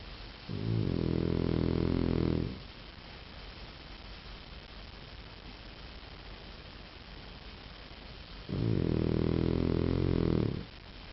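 Two long, deep, rumbling snores about six seconds apart, with steady background hiss between them: snoring in sleep.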